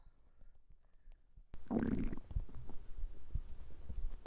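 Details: Low gurgling rumbles from the abdomen: stomach growling, with digestive sounds rather than hunger sounds.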